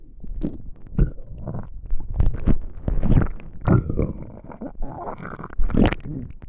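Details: Empty stomach after not eating for a day: continuous loud low rumbling and gurgling with squeaky rising and falling tones; hungry stomach growling, normal borborygmi.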